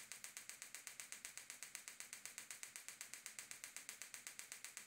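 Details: Gymna Shockmaster 300 extracorporeal shockwave with a 15 mm focused head, at 3 bar, 8 Hz, 2000 shocks, applied repeatedly to the same heel spot at the proximal plantar fascia for plantar fasciitis/bony heel spur; rapid, very regular sharp clicking pulses.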